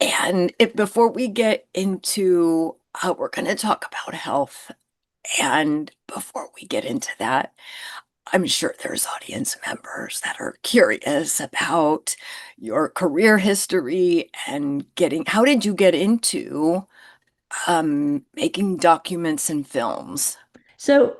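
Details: Woman who identifies with the spasmodic dysphonia community, describes her voice condition as neurological and long-standing enough to feel normal, and reports frequently not being understood on the phone; spasmodic dysphonia.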